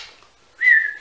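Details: Adult with a Tourette-like tic disorder, on what they call a very ticky day, talking about their kids: a whistling vocal tic.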